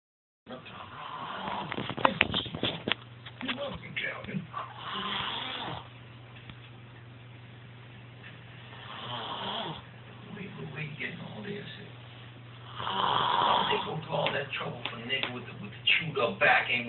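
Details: Person snoring loudly, keeping the recorder awake: harsh, rattling snores with each breath in, over a low steady room hum.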